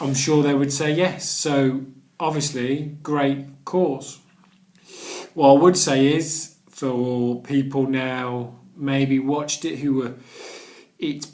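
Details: Adult man who stammers and has done the Starfish Project stammering course, with word and phrase repetitions; stuttering.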